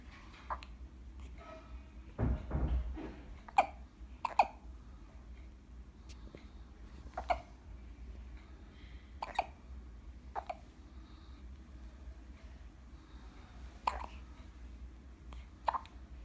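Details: 10-day-old twin baby boys with synchronised hiccups: short, sharp hiccup sounds recurring irregularly, about a dozen over sixteen seconds, over quiet room noise; infant hiccups.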